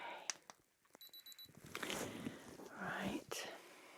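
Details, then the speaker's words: Short run of high electronic beeps from an ear thermometer, then soft whispered speech; simulated ASMR paramedic home exam of a dizzy, feverish patient, temperature read as 38.2 °C. "I'm just going to pop this inside your ear okay here's some beeps okay"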